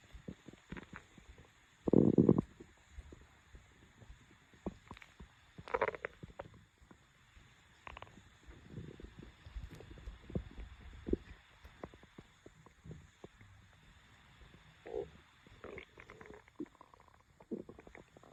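Low gurgling rumbles and bubbling pops, one loud growl near the start; ordinary stomach growling from hunger.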